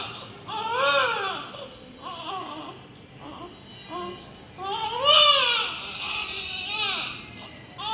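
Repeated high-pitched wailing cries with rising and falling pitch, typical of a newborn crying; a sound-effect recording.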